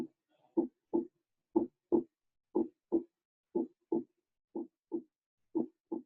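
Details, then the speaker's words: Heart auscultation demonstrated in a cardiovascular physiology class: regular paired lub-dub beats about 60 a minute, clean with no extra sounds; normal first (mitral/tricuspid closure) and second (aortic/pulmonary closure) heart sounds. "Así se escucha, chicos, el corazón en condiciones normales. Si uno tiene que hacer una onomatopeya, es decir, tratar de hacer un sonido con la boca, diríamos loop dup, loop dup, loop dup, donde loop onomatopéyicamente significaría el primer ruido, y dup el segundo ruido."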